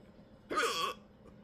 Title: Hiccups for my hiccup lovers.